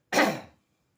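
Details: Throat clearing, a single short harsh burst that fades within half a second, during kerokan (scraping) of the neck and chest for a very itchy throat and bothersome cough; the speaker links the cough to smoking.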